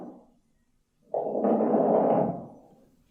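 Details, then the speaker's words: Fine, dry pulmonary crackles heard through a stethoscope during breathing, typical of interstitial lung disease (fibrosis) associated with scleroderma; they can be very subtle. "So that's what pulmonary crackles sound like. It can be very subtle."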